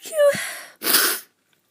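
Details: A person feeling run down and unwell, with some coughing, gives a single sneeze: a rising, squeaky, high-pitched intake, then a sharp hissing burst of air; sneeze.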